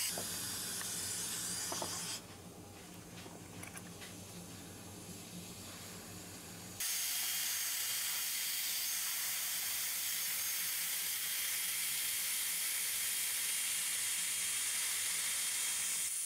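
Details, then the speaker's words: Steady high-pitched hissing whine of an electric handpiece, louder as it cuts through the metal of an old fixed dental bridge, under anesthesia with rubber dam. "again I'm using a electric can piece for this you can put a lot more torque on it"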